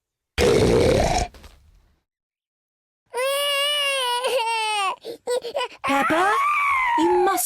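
Acted cartoon crying: a loud, wailing young-child cry with sobbing breaks and a rising pitch.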